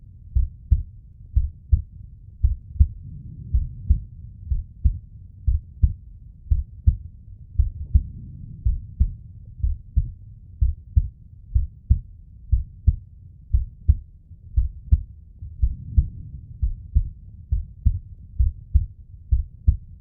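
Deep, regular thumping beats, slowed and soft, over a low hum.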